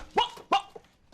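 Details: Acted vocal tic by a character with Tourette syndrome in a dramatized film; vocal tic (Tourette syndrome).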